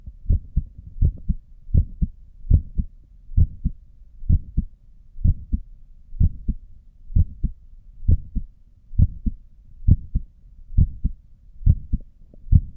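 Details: Adult's own resting heartbeat recorded with a stethoscope while sitting at a desk, neck pulse visible: steady lub-dub at about 67 beats a minute, even rhythm; normal heart sounds.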